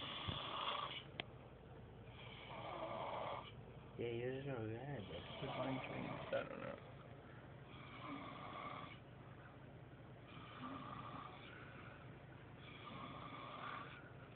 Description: dilema, passed out, snoring like a dieing person